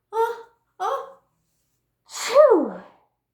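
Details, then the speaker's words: A simulated sneeze into a tissue, demonstrated during a lesson on sneezing: two short vocal sounds, then a single breathy falling 'ahh-choo'-like burst. "so this is an option one that you can do when you need to sneeze if you have a Kleenex close by you can take your Kleenex and if you have to sneeze you can go ahh"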